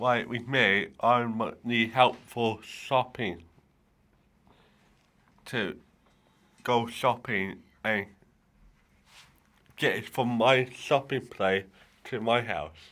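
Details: Dysarthria in a male adult with cerebral palsy affecting the right side of his body; he says it affects how he speaks and that some people may not understand him.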